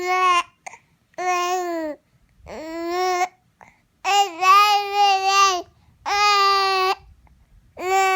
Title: Mad talking baby with hiccups